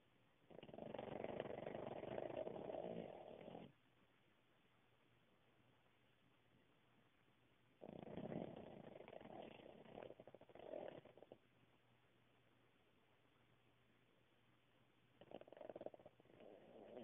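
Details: Cavalier King Charles Spaniel dog napping and snoring as usual: long, rough, rumbling breaths recurring with quiet gaps between. Snoring.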